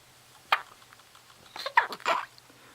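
A single short, sharp hiccup, followed by a few soft vocal sounds in a quiet room.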